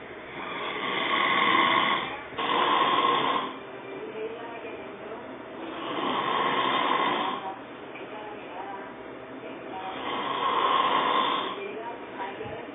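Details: Loud sleep snoring: rough snores on the in-breath at about 15 breaths per minute, with quieter breathing between them, heavy snoring.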